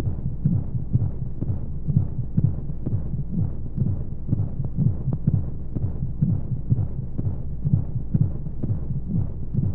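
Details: Womb-sound sleep aid for babies with white noise: steady muffled low heartbeat thumps at about 125 a minute under a constant hiss of monotonous flowing sounds, as heard from inside the womb.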